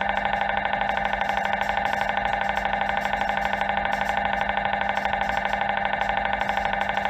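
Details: Loud, steady, rapid buzzing drone with a fast regular pulse: the normal noise of an MRI scanner during a scan.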